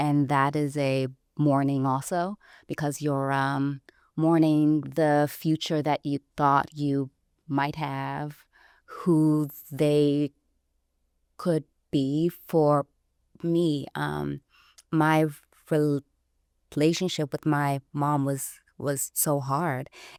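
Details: Adult woman who self-identifies as a person who stutters, recorded speaking in a real interview; stuttering.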